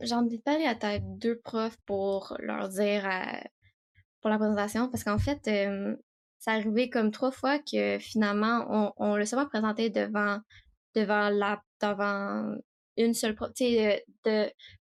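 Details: Stuttering in an 18-year-old female student speaking French; repetitions are present.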